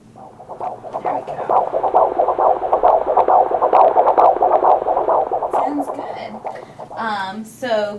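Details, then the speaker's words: Pregnancy measuring about 27 weeks: Doppler fetal heart auscultation with rapid, regular whooshing pulses at about 130–140 a minute, about twice the mother's rate; normal fetal heartbeat. "baby's heartbeats beat about twice as fast as Mommy so your baby sounds good okay great"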